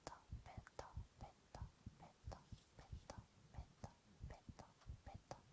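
Regular, soft lub-dub heartbeats with quiet whispering over them, an ordinary heartbeat.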